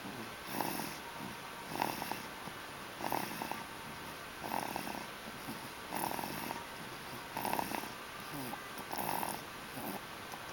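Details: Little boy asleep: soft, regular snoring breaths about every 1.5 seconds, roughly 40 a minute, each with a faint whistling note, described as a loud noise for his size: snoring.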